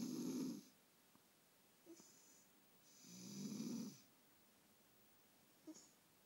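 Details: Sleeping pet cat snoring like a person: two long, rattly snores on its breaths with short soft snorts between, quiet room; snoring.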